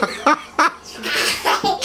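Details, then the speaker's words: Imitated sneezes, someone impersonating a father's violent sneezing: a few short, forceful bursts of air in quick succession with a breathy rush between them, sneeze-like sounds. "daddy sneezes rather daddy sneeze is rather violently uh but uh there's no excuse"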